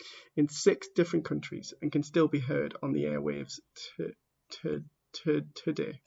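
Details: Stammering in a person who stammers, heard while reading a book introduction aloud.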